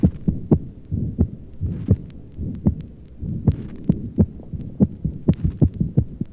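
Regular low heart sounds over the upper left chest, with a loud, sharp second sound: an accentuated pulmonic second heart sound. Faint background hiss.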